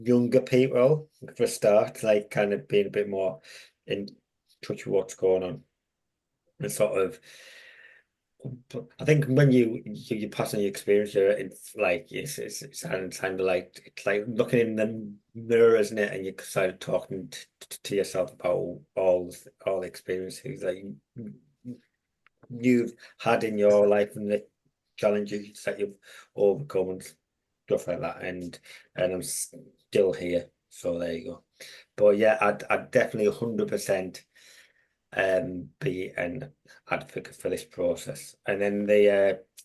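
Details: Stammering (stuttering) in an adult with a long-standing stammer who mentors young people who stammer.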